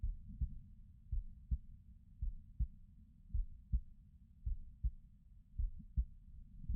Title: This is my heartbeat sounds